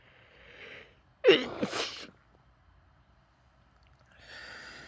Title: stifled sneezes, nose blowing and let out sneezes into a handkerchief (f)